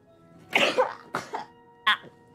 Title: 🍵British VTuber sneezes! TSKR moment~《VTuber Clip》